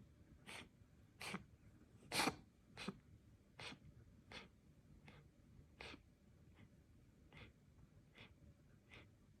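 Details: A cat named Angel coughing: cough.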